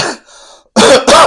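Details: Rough throat clear, pause, then two harsh forceful coughs: irritant cough after drinking Jägermeister mixed with Carolina Reaper hot sauce in a "Reaper cough" challenge.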